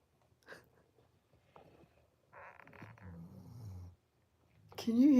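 A low, rough, rumbling breath sound rises for about a second and a half amid faint room noise, then a brief louder voice-like sound follows: dog snoring.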